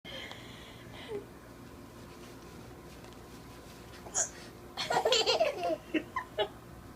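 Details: 4-month-old baby laughing at mother's hiccups: a couple of short hiccup-like catches, then a burst of laughter in a noisy room; hiccups.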